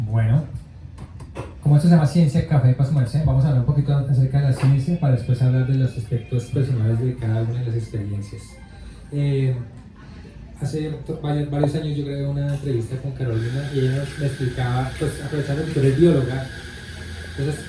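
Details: Adult speaker; normal speech.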